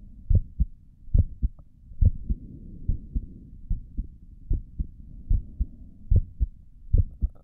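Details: Steady heartbeat recorded with a stethoscope on the chest for relaxation, with several stomach gurgles also audible; normal heartbeat.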